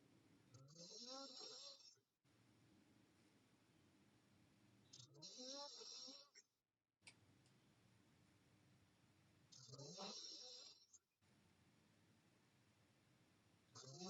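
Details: Sleeping girl, mouth open, snoring: regular snores about 14 a minute, each a rough, rising vibrating in-breath followed by a hissing exhale.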